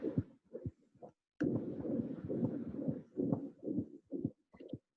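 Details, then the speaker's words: Continuous heart murmur recorded with an iPhone, not in the left subclavicular area; fast heartbeat about 130 a minute with a rushing murmur carrying between beats, described as from a coronary artery fistula. "on entend un flux qui a l'air d'être systolique ou continue ses bas donc temps un souffle continu"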